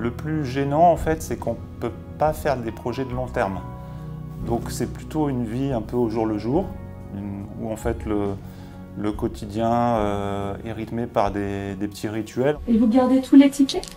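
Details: Adult man speaking French; normal speech.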